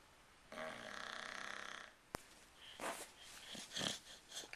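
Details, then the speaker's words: White boxer dog asleep at about 2 a.m. with the TV on: a long, loud, droning, rattling snore, then softer snuffling breaths in a quiet room. "But I can't watch the movie because this guy right here snoring. He's loud. I have to turn the TV up to 30."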